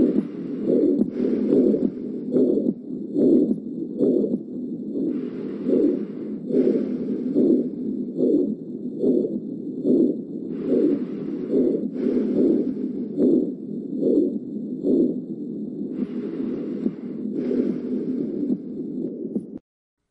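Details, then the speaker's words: 8-year-old boy with shortness of breath, dizzy spells and slow-rising pulse: regular heartbeat near 72 a minute with a harsh systolic murmur, quiz answer aortic stenosis. Aortic stenosis murmur. "8 years old male with shortness of breathing dis spells and slow Rising balls listen to the harsh sound and select the most likely diagnosis"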